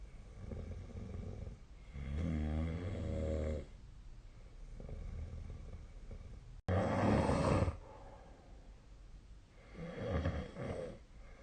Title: 🐽 本日のイビキ / Snoring Sleep Sound 2025/02/07